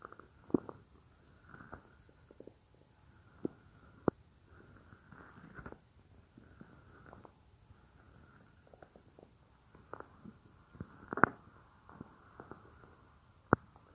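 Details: A woman's own stomach, heard as if lying on her belly while she works at a computer: soft irregular gurgles and squelches with a few sharper pops. Ordinary bowel sounds (borborygmi).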